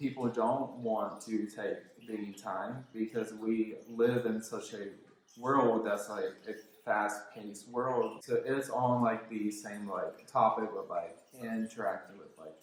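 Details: Male speaker with self-described verbal apraxia of speech, present since childhood, when he struggled growing up; apraxia of speech.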